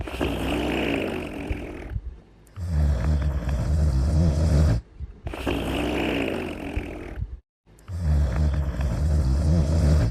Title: Little Einsteins & Friends: Cooler's Cutest Snoring in 42 seconds